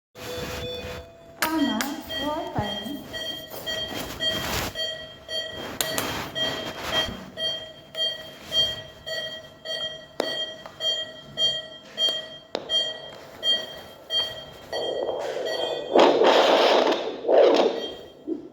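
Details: Fetal heart sounds heard on Doppler during an antenatal check-up: rhythmic whooshing fetal heartbeat pulses over a steady electronic tone, a normal fetal heart sound.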